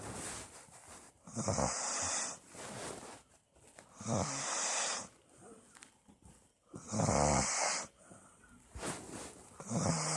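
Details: Loud, rough snoring on each breath, about 20 breaths a minute, with quiet pauses between snores; recorded January 2016.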